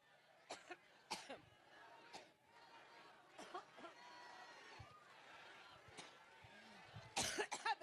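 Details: An adult woman has a coughing fit during a campaign rally speech and remarks on feeling allergic: repeated harsh coughs and throat clearing in bursts over several seconds, with crowd noise behind.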